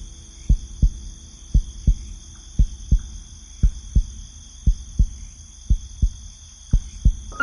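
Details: Steady, regular heartbeat of paired low thumps at about 58 beats per minute, over a faint steady hum, from sleep-relaxation heartbeat music.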